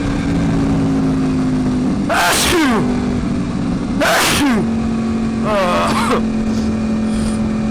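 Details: Motorcycle rider sneezing inside a helmet from bad allergies, with mucus ending up on the visor: three forceful sneezes in quick succession over steady engine and wind noise.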